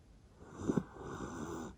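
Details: Sleeping Jack Russell Terrier, in a household whose dogs include older ones, with light level-1 snoring: a single soft breath with a brief fluttering snort in the middle; recording may be quiet.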